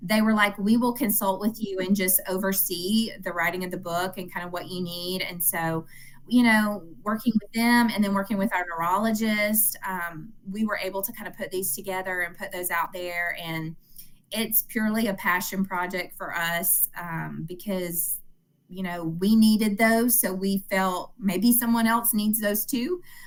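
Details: Adult woman; normal speech.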